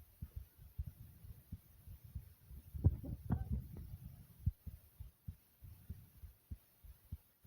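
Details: A person's own normal heartbeat at a normal pace: steady, regular low thumps, briefly masked by rubbing noise.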